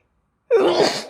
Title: compilation of lots of sneezes, with some sniffles and blows from the end of my recent cold